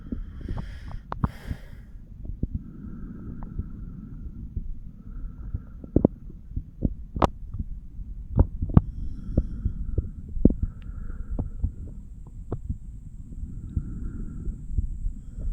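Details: A 34-year-old male listens to his own chest with a stethoscope over the mitral, tricuspid, pulmonary and aortic valve areas. Soft low heart thumps under rubbing and handling noise: normal heart sounds.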